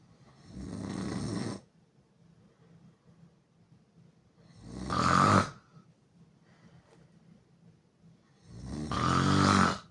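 Three loud, harsh open-mouth snores about every four seconds, roughly 15 a minute, with quiet pauses between.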